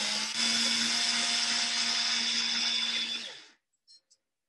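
High steady motor whine for about three seconds that then winds down to silence, followed by two faint beeps: a powered surgical drill running.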